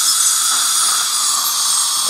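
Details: Dental hygiene cleaning with an ultrasonic scaler, Kona block tube set and autoclavable suction mirror, plus two saliva ejectors, at the buccal of the upper molars and distal of the last molar: steady high-pitched hiss and whine with suction.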